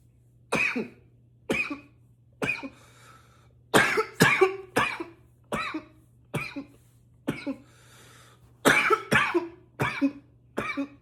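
About twelve forceful coughs in clusters over eleven seconds, with a faint steady hum underneath; harsh repeated coughing.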